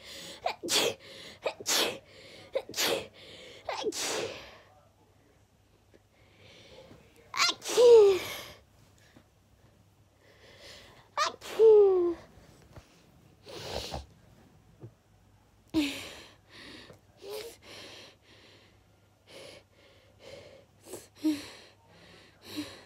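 A run of repeated sneezes, some with a sharp inward gasp before the burst.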